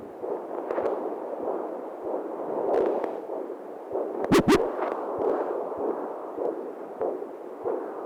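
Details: Rapid, regular whooshing pulses of an unborn baby's heartbeat picked up by ultrasound Doppler.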